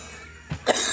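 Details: Single harsh, forceful cough burst after a brief catch of breath, from irritation after smoking cannabis.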